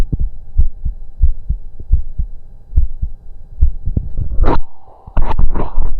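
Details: Auscultation of own heart during breath-holds through a stethoscope; normal heart sounds.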